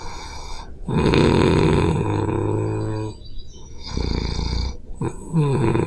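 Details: Adult recorded themselves while sleeping with a Zoom H5 handheld recorder: loud, rough, rumbling snores on inhaling with fluttering vibration.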